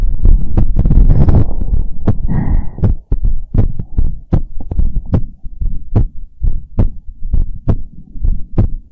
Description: This is another Heartbeat Sounds ASMR video.